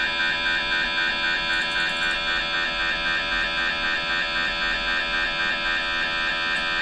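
Loud, steady, rapid mechanical buzzing and pulsing at about 230 a minute over a constant hum: an MRI scanner running a sequence.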